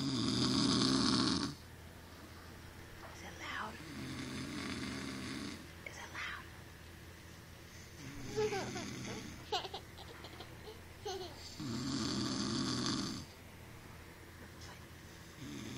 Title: He says he doesn't snore